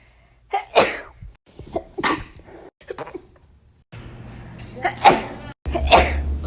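Several sharp, explosive sneezes in a row, some with a short intake of breath before them. Ordinary sneezing.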